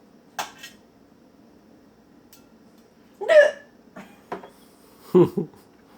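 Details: Woman with bad hiccups while making supper: a few sharp, short hiccups at irregular intervals in a quiet room.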